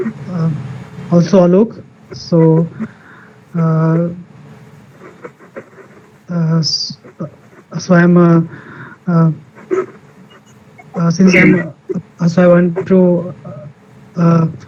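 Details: Male participant in an online session for people who stammer, introducing himself; stuttering.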